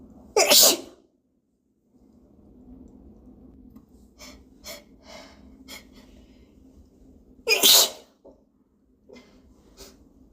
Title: Hitchy Sneezes